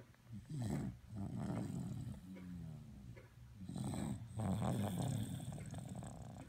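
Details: Loud, rumbling, irregular snoring with a harsh low vibration on each breath during sleep.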